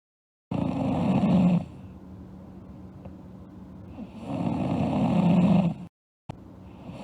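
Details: Sleeping girl snoring: two long, loud, rough inspiratory snores with a softer droning breath out between; heavy snoring during sleep.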